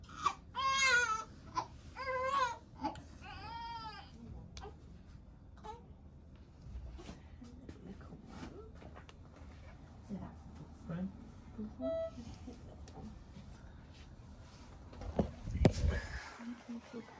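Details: Newborn boy, 6 lb 10 oz, gives several loud, high-pitched cries in the opening seconds just after delivery following induced labour, then quieter room sounds and faint movement; a vigorous newborn cry.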